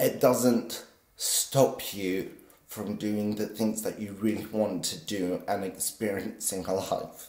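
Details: Vocal tremor from essential tremor in an adult man, always very pronounced in his voice, still audible despite deep brain stimulation surgery at age 24.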